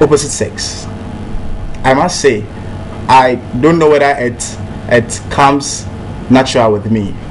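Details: Real adult man who stammers, president of a national stammerers' association; stammering reportedly once held him back but no longer does; stuttering.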